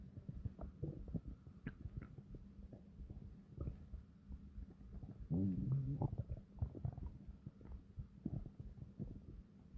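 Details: Low, irregular gurgling stomach rumbles with one longer deep growl midway; ordinary bowel sounds (borborygmi).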